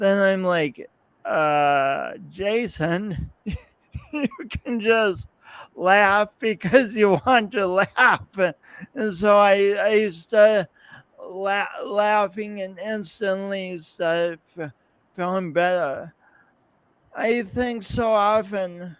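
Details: Lifelong speech impediment with coordination differences in an adult podcast host speaking about his own condition; real speech with repetitions and prolongations.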